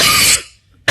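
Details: Cough.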